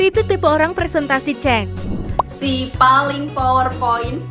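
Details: Adult woman; normal voice.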